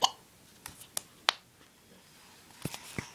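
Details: A girl with hiccups, told to drink, makes several short, sharp, abrupt hiccup catches at irregular intervals in a quiet room.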